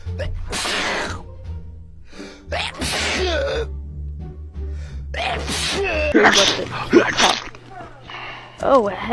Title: RANKING FUNNIEST SNEEZE MOMENTS